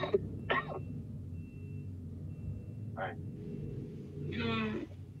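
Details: Four short, harsh cough bursts from an adult over low room hum; the cougher says the cough was dry, improved, then at times turned dry again.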